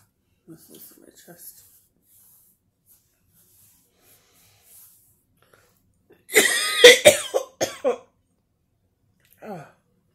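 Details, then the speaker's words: Throat-clearing cough during a nasal-care routine: soft throat sounds, then a burst of several harsh coughs with throat clearing. "just a throat clearing cough and this working here."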